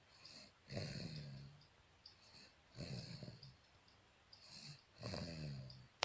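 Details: Three slow, rattling snores about two seconds apart with a faint hiss between them: steady snoring during sleep.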